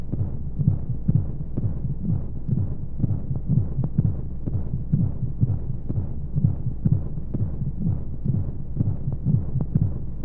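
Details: Womb-sound sleep aid for babies: steady muffled low double-beat thumps, roughly 60 to 65 a minute, under a constant hum and flowing white noise, like a heartbeat heard from inside the womb.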